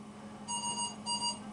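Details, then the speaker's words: Non-invasive ventilation with a tight face mask on a CV200 ventilator in pressure support mode: repeated high electronic beeps over room hum as the low minute ventilation alarm sounds because the set pressure is low. "the low tidal volume the low rr the low minute ventilation alarms will go off because the amount of pressure i have set is low and so i may need to adjust my"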